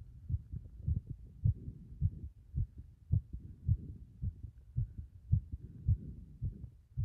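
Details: Heart sounds recorded after caving the chest in three times: regular low thumps at about 110 a minute with a soft rumble between beats; a fast heartbeat.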